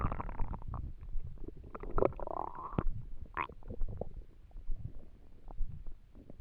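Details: Person trying to sleep on an empty stomach. Low, bubbling gurgles and rumbles in irregular bursts, with a few rising squeaky tones: hunger stomach rumbling, borborygmi.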